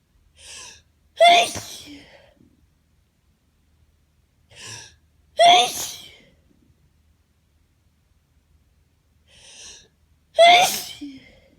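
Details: Adult with suspected allergy, grass-allergic in UK, sneezing nonstop on Florida holiday, no animal exposure: three sneezes, each a gasping in-breath then explosive burst, about four seconds apart.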